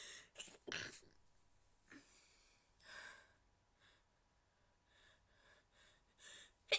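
Soft, muffled sneeze bursts with hissy breaths and small catches in between, kept quiet rather than released fully.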